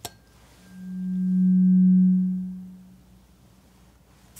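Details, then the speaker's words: Tuning fork tone during a simulated ASMR cranial nerve exam hearing test: a steady low pure tone swells and fades over about two seconds, followed by a brief rustle. "t to test and see if you can hear these certain frequencies it might be an indicator of hearing damage or subsequent loss of hearing"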